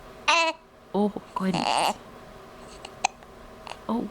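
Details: Infant girl with hiccups: short voiced squeaks and catches repeating about three times among babbling, while an adult speaks softly nearby.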